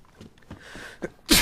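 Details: Brief indrawn breath, then one sudden explosive sneeze at the end; an ordinary single sneeze, from a random sneezing compilation.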